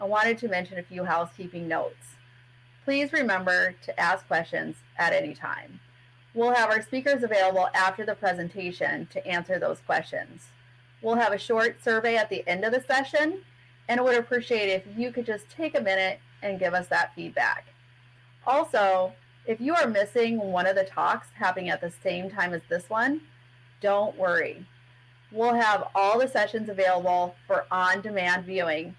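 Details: Adult woman speaking; typical speech.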